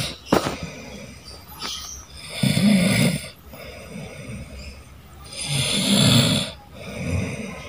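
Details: Younger sibling heavily snoring while asleep: loud, rough snores on each breath in, about 18 breaths per minute, with quieter breaths out between them.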